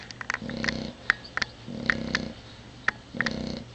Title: Snoring Sassy